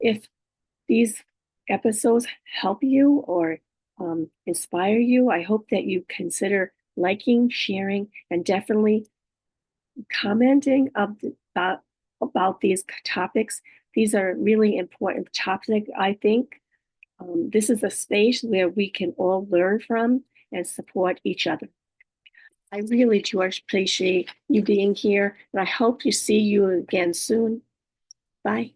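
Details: Adult woman living with aphasia, apraxia of speech and dysarthria after a stroke, with right-sided hemiparesis. Finding: aphasia with apraxia of speech and dysarthria.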